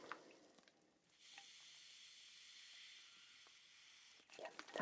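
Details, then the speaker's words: Simulated ASMR paramedic home-visit exam: a quiet three-second hiss between soft handling noises as a blood pressure cuff deflates, with a stethoscope placed under the cuff during the arm measurement. "I'm just going to inflate the cuff now okay right just check that again there"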